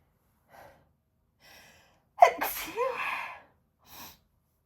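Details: A woman's single forceful sneeze into a handkerchief: quiet catching breaths, a sharp gasp, then the sneeze and a soft exhale; an ordinary sneeze.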